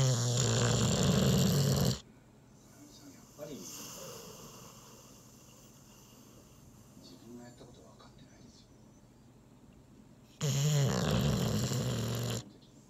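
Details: Labrador Retriever in deep sleep after a meal, leaning against the owner: two loud, rattling snores about eight seconds apart, with faint room sounds and distant talk between.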